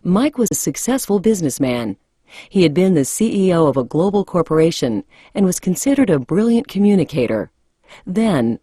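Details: Adult female narrator; Normal speech.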